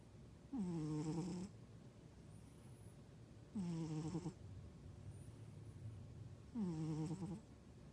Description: I thought my husband was snoring, found out it was my cat !!